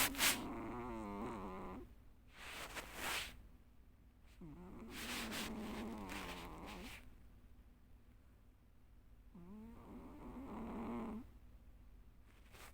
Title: low quality video of my snoring cat